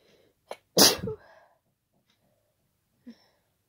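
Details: One loud, forceful, wet, unstifled sneeze after a quick inward breath, then quiet breathing; sneezing during an ongoing cold.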